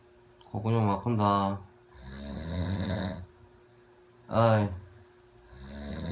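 Loud, irregular snoring with voiced, rattling bursts on each breath. A steady hum runs in the background.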